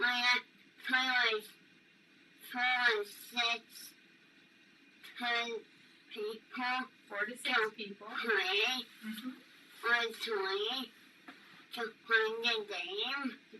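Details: Child in therapy for dysarthria, with hypernasality (possibly from muscular weakness limiting velum elevation), strained voice, slow rate and reduced lip and tongue movement: dysarthria with hypernasality.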